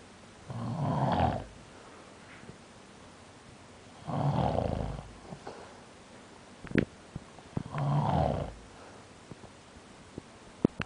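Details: Snoring during sleep: three deep, rumbling snores about every 3.5 seconds, roughly 17 a minute, with small clicks between them.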